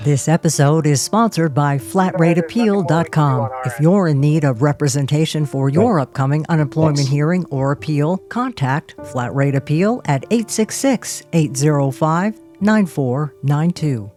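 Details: Adult male announcer reading an advertisement over background music; normal speech.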